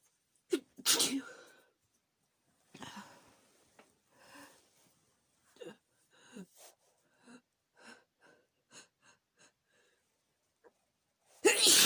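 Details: Two loud sharp sneezes with breathy sniffs and catches between, in an adult woman using chhinkni sneezing powder; sneeze.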